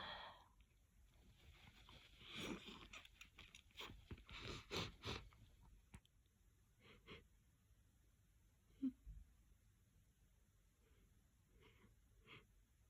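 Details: Stuck, slow-building sneezes: sniffs and indrawn breaths building up in a quiet room, then a few short, loud, wet, explosive sneeze bursts.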